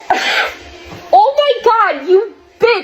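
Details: A loud sharp sneeze-like burst faked as a prank, with a spray onto the client's hair, followed by surprised voices and laughter; simulated sneeze.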